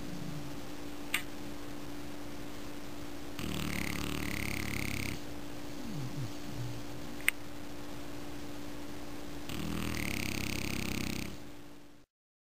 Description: Lego, French Bulldog, 10 Months, sleeps and snores....